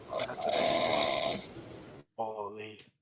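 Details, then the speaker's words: Person snoring during sleep in a quiet room: one long, rattling snore on a breath, then a brief gap and a softer throaty sound. "so uh this was brought to you by keith snoring um we'll catch you for the next one"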